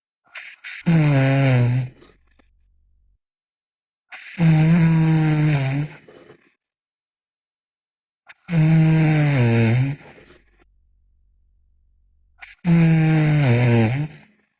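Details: Sleeping girl snoring loudly: rough, buzzing snores on each breath, about 15 a minute, with silent pauses between.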